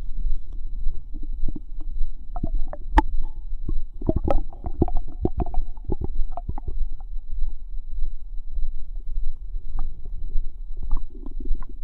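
Low gurgling, bubbling and squelching noises come and go over a steady low rumble, typical ordinary stomach and bowel sounds.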